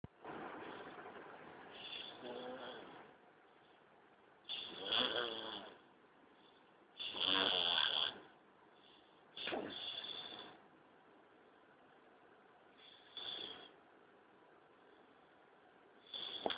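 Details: Snoring in a sleeping adult: irregular harsh snorting snores, about six in sixteen seconds, varying in strength with quiet gaps between.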